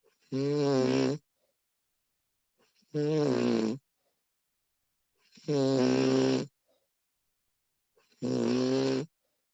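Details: Four loud, pitched, rattling snores on the in-breath, about 23 a minute, with quiet pauses between, from a woman recorded during her sleep; ordinary sleep snoring.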